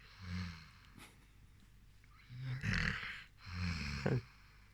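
Soft, low, snorting snores from a sleeping dog, a few breaths with quiet pauses between them.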